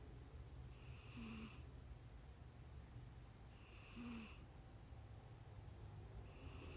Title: Silly Pixel cat nose sounds